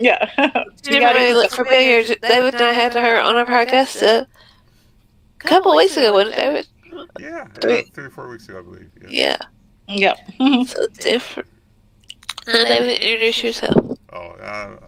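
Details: Woman with multiple system atrophy diagnosed in 2021, with audible tremor in her voice and a voice-box scope the day before; voice tremor.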